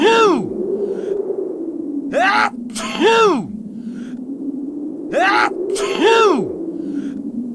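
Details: Repeated acted sneezes, each a rising wind-up breath then an explosive voiced burst, in an echoey room; imitation sneezing of someone catching a cold standing in briefs in the cold.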